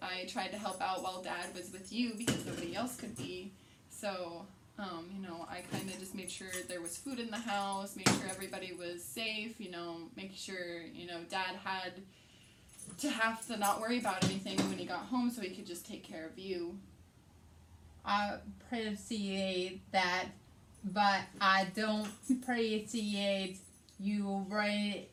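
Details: Adult woman with aphasia after a hemorrhagic stroke on May 19, 2020, treated with brain surgery; also has right-side hemiparesis; her aphasia also affects reading and writing.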